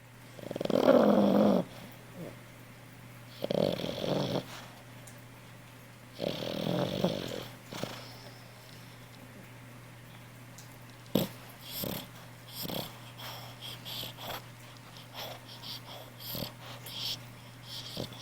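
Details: Snoring: three loud, rough snores about three seconds apart, then softer breathing noises.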